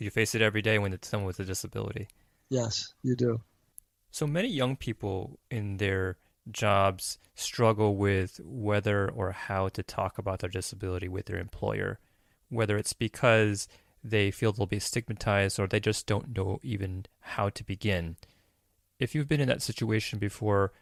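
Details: Adult male speaker; normal speech.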